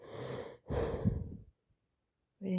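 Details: Adult with repeated urges to sneeze and itchiness, suspecting a cold rather than allergies: two loud, rough breaths in and out, then silence; noisy breathing.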